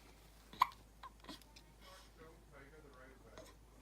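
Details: Four-day-old newborn baby with hiccups: a few soft, abrupt catching sounds in a quiet room.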